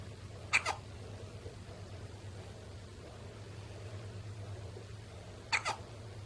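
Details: Newborn son, first night home after two weeks in the NICU, trying to sleep, has hiccups: two short, sharp, squeaky hiccup sounds about five seconds apart over a low room hum, like a squeaky toy.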